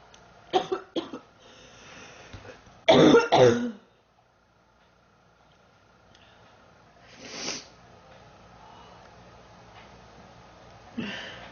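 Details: Girl who says she is sick, feels hot and mentions 3 weeks: several harsh cough bursts in a cluster, then single coughs after a pause, repeated coughing during illness.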